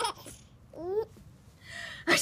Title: Sneezing is hilarious